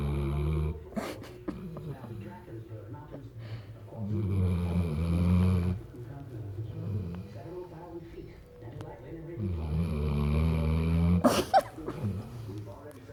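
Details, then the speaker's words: Big black puppy (dog) snoring in sleep: deep rumbling snores on slow breaths in a quiet room, with brief background talk. "He's snoring. Choopy."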